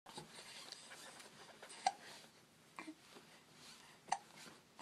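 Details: Infant boy hiccupping while wiggling and smiling: a few sharp, brief hiccups a couple of seconds apart, about three in the clip, in a quiet room.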